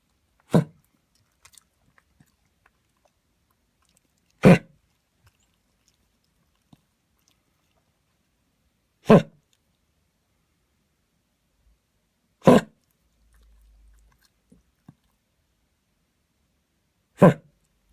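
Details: Dog with cough that began yesterday while running in the park and recurred this morning on and off for half an hour; owner says something is stuck; five single, sharp coughs spaced several seconds apart, quiet room.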